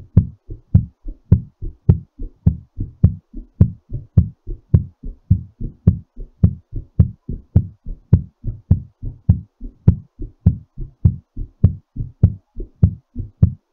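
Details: Strong, regular, fast heartbeat at about 105 beats a minute with clear paired thumps, a quickened rate while recovering from exercise; heartbeat after exercise.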